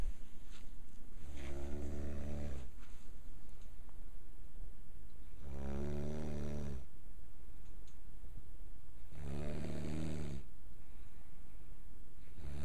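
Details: Snoring: three regular, low, buzzing snores about four seconds apart, roughly fifteen a minute, over a steady background hiss; ordinary snoring.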